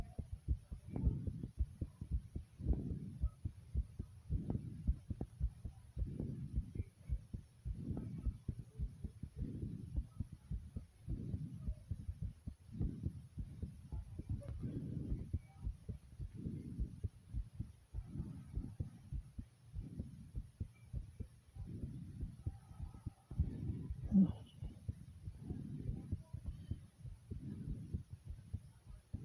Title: Fast Thumping Heartbeat Sound ❤❤